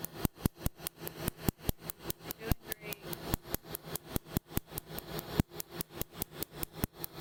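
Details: Second laser tattoo removal session on a woman's chest tattoo, starting at the top; pain radiates down to the arm and elbow. Rapid repeated sharp snapping pops, about three per second, with a steady low hum from the laser firing.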